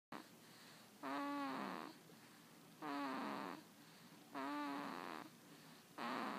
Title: Baby snores